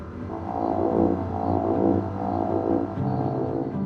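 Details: Steady, deep tonal machine drone with slow rhythmic swells from MR-guided focused ultrasound during brain lesion ablation above 55 degrees, in a man with a 17-year essential tremor worse in his left hand.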